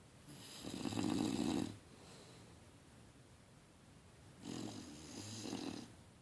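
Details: Sleeping bulldog in rare deep sleep, dreaming and snoring: two long, rough, rattling snoring breaths with steady room hiss between them.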